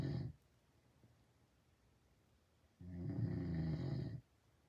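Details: Adult man who denies that he snores, recorded asleep: a loud, low rumbling snore on the in-breath with a quiet pause between breaths; snoring.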